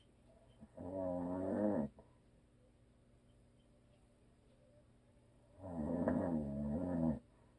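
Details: Adult man's habitual snoring: two loud, rough, droning snores on breathing in, roughly five seconds apart (about 12 a minute), with quiet pauses between and faint room hiss.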